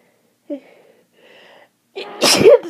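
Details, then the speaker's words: Seasonal allergic rhinitis in spring, with watery eyes and an itchy nose and throat after sneezing all day: short catching breaths build up to one loud, explosive sneeze. "I've been sneezing all day I'd like to stop now oh itches oh my throat's itchy"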